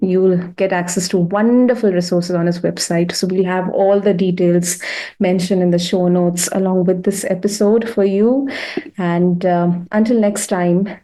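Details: Adult woman; typical speech.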